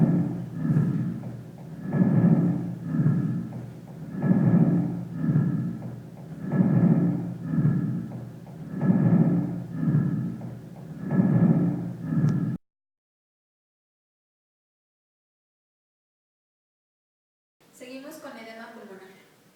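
Simulated lung sounds with rough, crackling breaths in a quick regular rhythm, typical of pulmonary edema.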